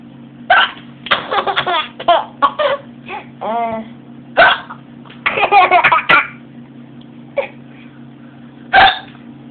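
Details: Young child laughing at hiccups: bursts of laughter broken by a few short, sharp catches in the breath; hiccups.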